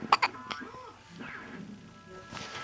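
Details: Infant boy with morning hiccups, May 2010: two quick, sharp catching sounds in a row, then quiet with faint background sounds.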